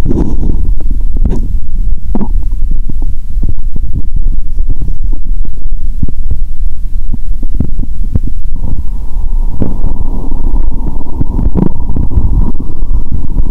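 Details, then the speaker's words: Stethoscope on the abdomen after drinking cola with Mentos, belly swollen and painful, lying on bed: loud, continuous low rumbling and gurgling with a hum, active bowel sounds (borborygmi); recording noted as noisy. "Bạn có thể nghe thấy âm thanh của cola trong dạ dày của mình 👂 ♪."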